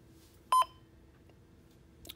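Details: Single short electronic beep as a button is pressed after powering on a Breas Vivo 40 BiPAP, which is being set up for invasive ventilation with a passive circuit, then quiet room noise; a normal ventilator key-press tone.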